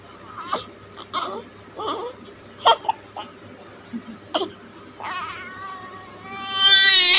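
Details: Newborn's first cry after birth: short bursts of high-pitched crying building into a loud sustained wail.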